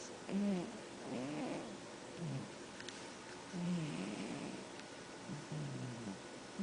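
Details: A sleeping animal snoring: slow, rough, rhythmic breathing noises with a purring, rattling quality, about 18 a minute.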